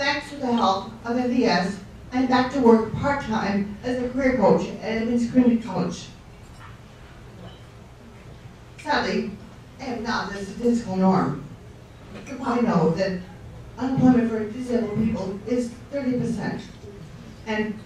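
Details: Ataxic dysarthria after a stroke, in an adult guest speaker at a fundraiser for a non-profit serving people with neurological conditions.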